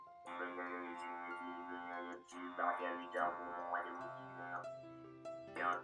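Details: Electrolarynx speech by a laryngectomized patient; the same sentence is said with normal articulation, then with less articulation.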